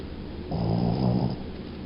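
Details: Snoring in a sleeping dog: a single low, rumbling snore lasting under a second against background noise.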